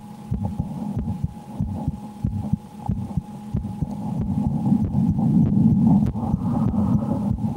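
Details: Quick, muffled heart thumps through a stethoscope with a steady low hum and rustling; the adult woman's own fast heartbeat while she plays a scary horror game (Slender) she says she strongly dislikes.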